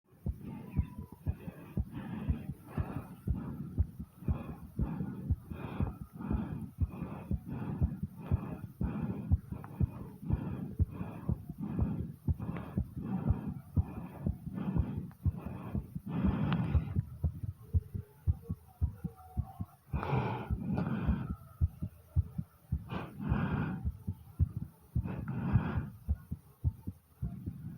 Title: Heartbeat and Deep Breathing Sounds ❤❤❤